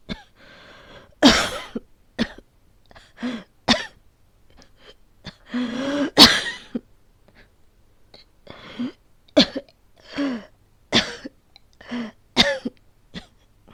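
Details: Simulated cough in a wordless acted voice recording of a girlfriend who can't stop coughing: repeated harsh coughs and throat clearing, about a dozen bursts in quick irregular runs.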